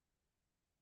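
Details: During a live podcast that lists laryngitis among its topics, an adult speaker gives a single sharp cough, cut off abruptly after a moment of silence, then says "excuse me": cough.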